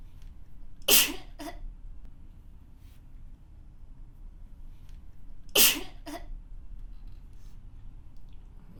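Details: Adult woman gives two sharp, explosive sneezes several seconds apart in a quiet room, each followed by a brief softer burst; she says sneezing spells come when pollen is bad.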